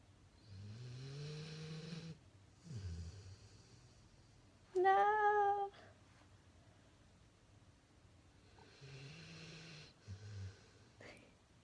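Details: Pit Bull in deep sleep snoring while Fruit Loops cereal is stacked on his head, not noticing: soft, low snoring breaths with a brief whine-like squeak in the middle, quiet room; snoring.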